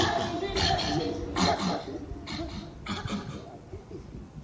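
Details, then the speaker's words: Habit cough (somatic cough syndrome) in a patient: a cough that goes on all day while awake and stops once asleep, causing stress for the whole family. "causes a lot of stress not just for the patient but the whole family to live with that sound going on all day until they go to sleep"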